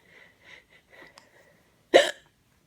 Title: Mommy's hiccups are funny.